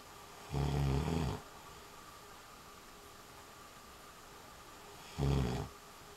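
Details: Two low, rattling snores several seconds apart in a quiet room; snoring during sleep.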